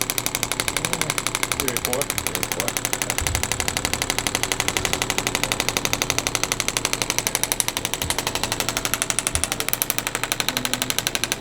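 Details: Radial shockwave therapy on an adult male triathlete's sore left knee, lower central area, intensity around 5 of 10: rapid, very regular sharp clicking pulses, about four per second, with brief talk.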